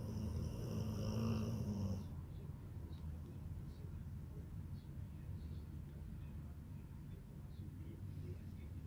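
A low rumbling snore is heard at the start, then quiet breathing with steady background noise.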